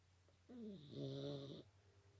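A single loud, drawn-out snore with a groaning, vibrating tone from a small flat-faced dog.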